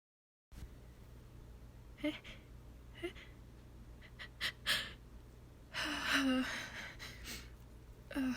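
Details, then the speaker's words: Woman in a staged requested roleplay, itchy with a sneeze stuck all day: several quick sharp breathy in-drawn gasps with small voiced catches over room hum, building toward a sneeze that doesn't come; gasping. "My sneeze has been stuck all day. Oh, wait. God, please can you make me sneeze? I'm just so itchy."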